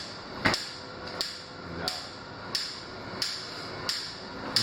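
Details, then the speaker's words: Sharp, evenly spaced cracking snaps about 90 a minute: ESWL lithotripter shock waves, shock wave mode enabled, urologist initiating shots to break up a kidney stone. "the tech make sure that shock wave mode is enabled and now the urologists will come in and they'll initiate the shot so you just lift the trigger turn it around pull it down"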